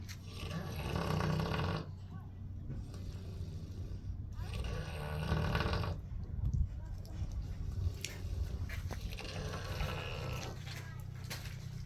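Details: Sleeping pig at a zoo giving deep, loud, rumbling snores in repeated long breaths, with some grunting; snoring.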